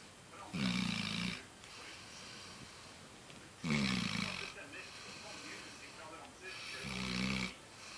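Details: Sleeping dog snoring: three loud, rumbling snores on the in-breath with quieter breathing between, about 19 a minute.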